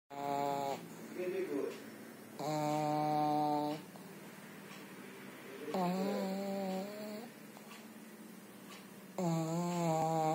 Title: my pug snore 😀😀